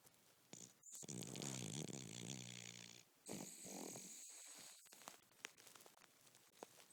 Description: Cavalier king charles napping and snoring